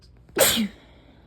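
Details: A person sneezing repeatedly while trying to sleep, with lots of mucus: a single sharp, hissing sneeze burst after a brief intake of breath.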